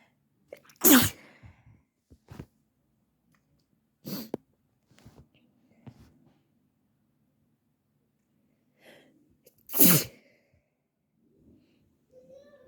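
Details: Three loud, intense wet sneezes with softer, partly held-back stifled sneezes between them, in a quiet room; sneezing.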